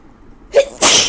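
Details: Person with a very bad cold, sick, at 3 a.m.: a short in-breath followed by a sharp, explosive burst of air; a single sneeze.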